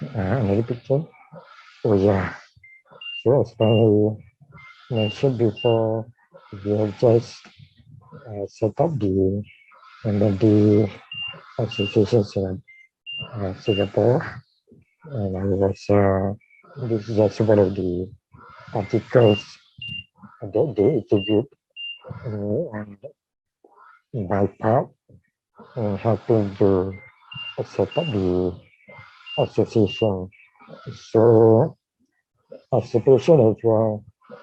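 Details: Dysarthria in a man with ALS/motor neuron disease diagnosed in 2018, tracheostomised late the previous year and ventilator-dependent, using leak speech around the tracheostomy while on the ventilator and needing suctioning between talking.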